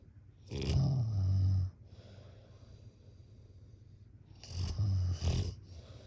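Loud, deep rattling snores on each in-breath, two heard with quieter breathing between; heavy sleep snoring.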